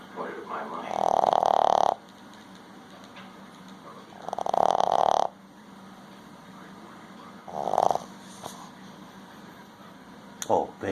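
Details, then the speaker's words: Boston bull dog fast asleep, snoring: loud, rough snoring bursts with quiet gaps, three to four breaths in about eleven seconds. "baby, what are you doing? You're snoring, huh? I'll just post that to YouTube."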